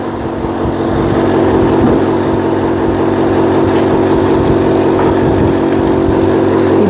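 Steady low motor drone with a pulsing hum, the sound of an electric suction machine running after being switched on.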